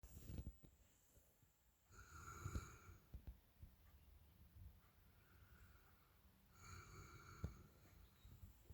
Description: My dog Always sleeps with me on my bed, he doesn't like his dog bed at all and recently noticed he was snoring louder than any of us at my family, so weird, however please enjoy 😉 the video and clic